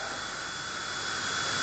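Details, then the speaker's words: Low-speed dental handpiece on a dental unit in a dental hospital, run by pressing the air (A) foot pedal so the bur spins: continuous airy whine and hiss, pitch rising slightly. "Oke kita injak a lalu mata bornya berputar"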